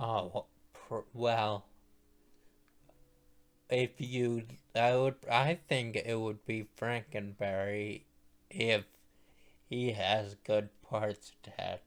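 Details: Male speaker who states his voice sounds this way because he is a stroke survivor; post-stroke speech impairment.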